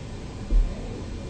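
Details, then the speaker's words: Abdominal auscultation with the stethoscope bell over the aorta, just left of midline: low rumble with one soft thump and no whooshing bruit; no abdominal aortic bruit, a normal finding. "you want to listen for vascular sounds using the Bell because these sounds are typically more low pitched and we'll be listening over the aorta the renal and the iliac arteries"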